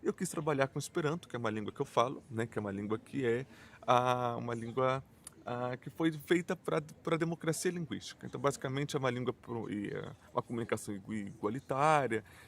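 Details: Adult male who stutters, mainly with blocks and silences rather than repetitions; he notes it may not be very evident here; stuttering.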